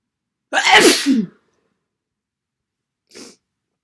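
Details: Massive wet sneeze during a cold: one loud, explosive, wet sneeze with a voiced ending, followed by a short sniff.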